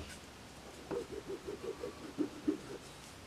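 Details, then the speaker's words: Faint, low, fluttering snort lasting about two seconds in a quiet room from a female dog sound asleep in the background: snoring. "okay all right I don't know if you can hear my dog snoring in the background I mean she is sound asleep"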